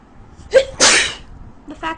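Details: Woman with a very bad cold who cannot breathe through her nose, in bed in the morning: a quick indrawn breath, then a loud, explosive single sneeze and a faint voiced sound. Sneezing.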